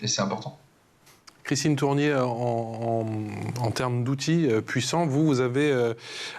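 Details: Stuttering in an adult who stutters, speaking French in a TV interview.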